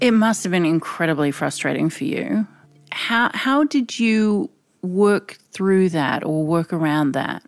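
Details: Adult woman; typical speech.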